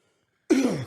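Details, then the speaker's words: An adult man on a podcast coughs with a drink in his mouth: a single short, voiced cough-like burst with a falling tone after a moment of silence. "what the [ __ ] was that sound I had to cough but I had a drink in my mouth"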